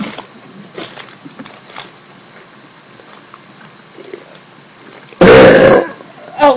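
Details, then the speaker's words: Young female deliberately swallowing air and burping while drinking: one loud, long, deep belch of about half a second over soft room noise and a faint voice; normal voluntary burping. "but uh one more burp and I'll make more burp videos"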